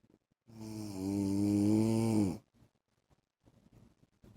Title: 10 MINUTES MY HUSBAND'S SNORING SOUND